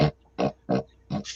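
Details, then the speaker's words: Imitation of a male's Tourette syndrome vocal tic: four short, rough, grunting snorts from the back of the throat, described as like a pig snort; involuntary, he can now voluntarily control it somewhat. "yes he does have a vocal it's a weird noise that he does in the back of his throat he makes a noise somewhere between us throat in his ear it like comes from here because I see this part flex up in here yeah and as I don't know how to describe it it's all like wake up like a pig snort"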